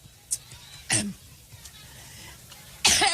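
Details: A woman coughing fit during a campaign speech in Cleveland: several harsh cough bursts separated by quiet pauses in a large room.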